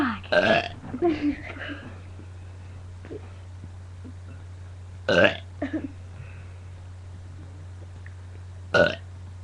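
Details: Girl deliberately burping, about ten loud voiced burps in short groups separated by quiet pauses over a steady low room hum; ordinary belching.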